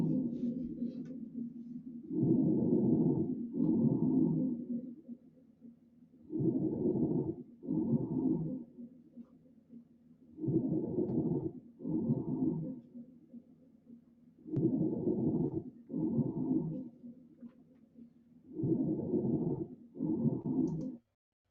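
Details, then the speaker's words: Lung sounds presented, without certainty, as what COVID-19 lungs sound like: coarse, moaning breath sounds on both inhale and exhale, about 14 breaths a minute. "I don't know what this one sounds like but apparently this is what kobit lungs sound like"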